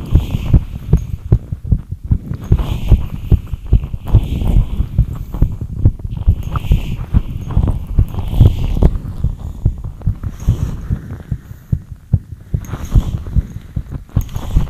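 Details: Fast heartbeat compilation: fast, somewhat uneven low thumping at roughly 140 beats per minute with a steady hum behind it; rapid heartbeat (tachycardia).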